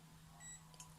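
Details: A single short, high electronic beep from an infrared forehead thermometer, signalling a completed reading over quiet room hum.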